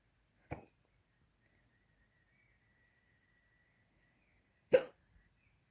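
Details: Hiccups while in bed: two sharp, brief hiccup sounds about four seconds apart in a quiet room; ordinary hiccups.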